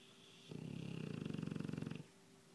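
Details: Sleeping dog snoring: a single low, fluttering snore lasting about a second and a half.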